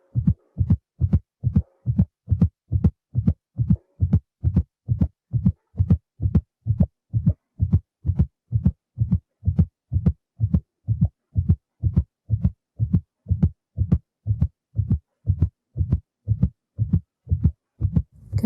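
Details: Simulated Doppler fetal heartbeat for intermittent auscultation training, heard during a contraction: steady rapid whooshing thumps at about 140 a minute, a normal baseline rate.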